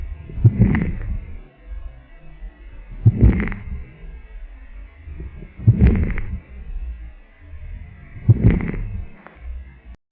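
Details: Crackles in a reference recording used for a pediatric respiratory assessment teaching demonstration: four breaths with brief popping crackles over a steady mechanical buzz artifact.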